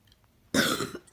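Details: Single harsh, hoarse barking cough burst from a child, typical of upper-airway swelling.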